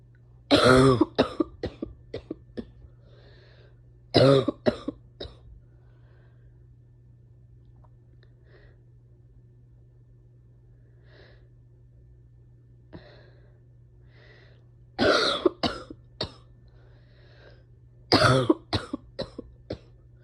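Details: Painful coughing fit: repeated bouts of harsh, forceful coughing, each a rapid string of coughs, with quiet pauses between.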